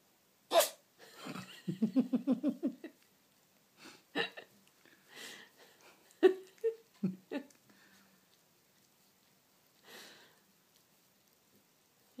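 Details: Cat licking its head and sneezing: quiet room with small snorting bursts and licking sounds, including a brief, sharp cat sneeze.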